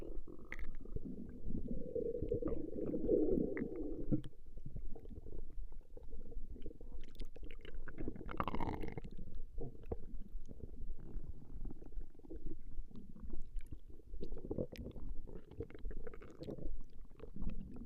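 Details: Ordinary stomach growling (borborygmi) recorded over 20 minutes: continuous low, irregular gurgling and rumbling from the belly.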